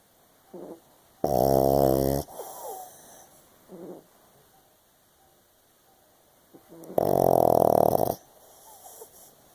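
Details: 7-year-old pug dog snoring during sleep: two loud, buzzing, deep rough snores on the in-breath, like an adult man's, with soft snuffles and quiet breaths between.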